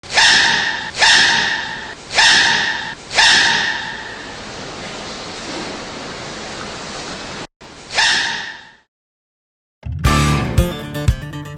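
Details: Simulated sneezing fit imitating the sneezing panda: a run of five loud, sharp sneeze-like bursts, then a cut to a clattering noise.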